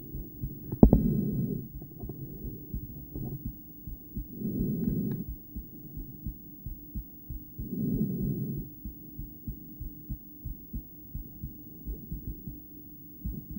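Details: Adult female heart heard through a poorly placed stethoscope during breathplay, with intermittent bigeminy: at times the beats fall into pairs, with one long pause, under loud breath noise.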